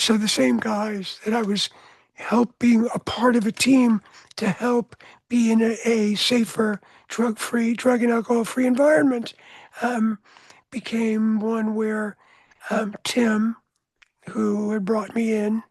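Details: Adult man with voice change after throat cancer treated with surgery, radiation and two years of experimental chemotherapy; no recurrence since.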